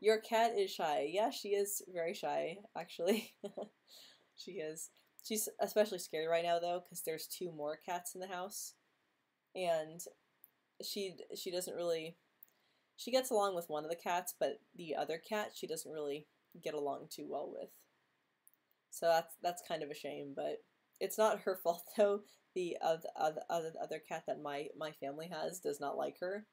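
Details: Female host who stutters; stuttering.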